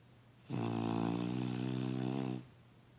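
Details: Sleeping subject named Lucy; one long, steady, droning snore lasting about two seconds in a quiet room.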